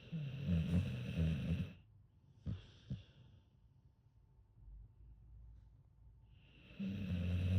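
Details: Sleeping American Bully / pit bull dog snoring: low rumbling snores on the in-breath, separated by quiet pauses with a couple of soft snorts.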